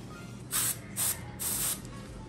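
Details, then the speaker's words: Three short bursts of hissing cold spray applied to the skin over a foot cyst during drainage. "we spray some cold stuff"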